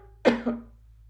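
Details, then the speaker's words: Demonstration of coughing into the inside of the elbow to avoid spreading germs: a single short cough of two quick bursts, with a faint musical hum behind it. "vamos a toser en el interior de nuestro codo de la misma manera lo vamos a hacer cuando vamos a estornudar en el interior de nuestro coro"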